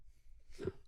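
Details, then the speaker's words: Adult man's single short, muffled cough in a quiet room during a podcast; he says the cough has lasted about a week. "Oh God you you awoke my terrible cough do you hear that yeah oh wow listen yikes okay it's gone it's gone"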